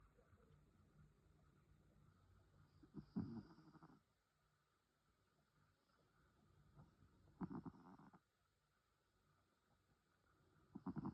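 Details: Snoring during sleep: rough, rattling breathing noises about every four seconds, roughly 15 a minute, with quiet gaps between.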